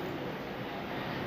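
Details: Branded nebulizer being repaired: steady droning motor hum with no breaks; nebulizer compressor running.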